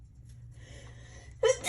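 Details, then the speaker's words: Adult about to sneeze while seasoning chicken with pepper, saying they don't want to sneeze again: quiet room hum, then a sudden loud burst of breath noise, the start of a sneeze. "oh herre jeg vil ikke nyse igjen"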